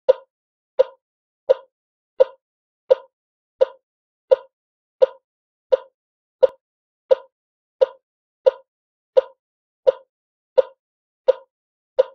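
Steady, regular electronic beeps from a heart monitor at about 86 per minute, sound-effect recording.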